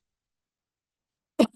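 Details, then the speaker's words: Woman cooking coughs as fumes from dry-cooking spices catch her throat; cough. "Now there is a sharpness that comes from the dry cooking, as you can hear from my cough, the dry cooking of the spices, which is really nice in the dish, but it does kind of catch your throat a bit."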